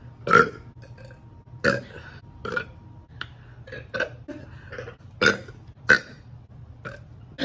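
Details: A girl burping: a run of loud, voiced belches, about seven in seven seconds, some low and croaky; repeated burping.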